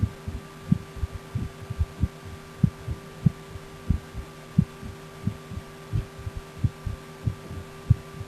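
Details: Regular adult heartbeat, own heart recorded through a stethoscope, about 90 beats a minute, with a steady electrical hum behind; normal heart sounds.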